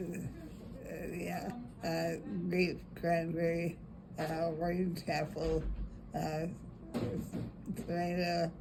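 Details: Broca's aphasia with phonemic paraphasias in a 90-year-old woman shortly after hospital discharge following a left ischemic stroke over Broca's area, reading words aloud with false starts.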